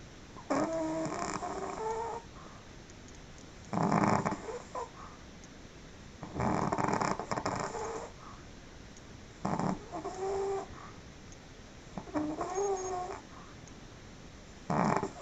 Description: Pekingese loudly snores while sleeping.